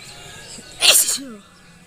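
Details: Single sharp, forceful sneeze with a hissing burst, outdoors with faint background sound, part of a repeated sneezing series.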